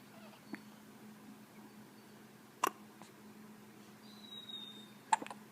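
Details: Hiccups in a cat: brief, sharp little clicks recurring irregularly, about four in five seconds, over a steady low room hum.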